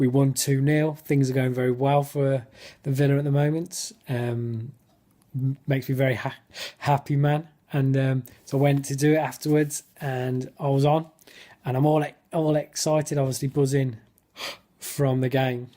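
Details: Male stammerer in spontaneous speech in a football fan-cam interview, with his speech technique gone; he describes lots of blocks and clearly overt stammering; stuttering.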